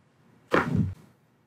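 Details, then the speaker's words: Chiropractic neck adjustment on a seated adult model, with head turned and shoulders relaxed: a single brief crack-like pop from the neck; joint cavitation. "I'm going to put your head right in here let the shoulders fall can you hear it pop"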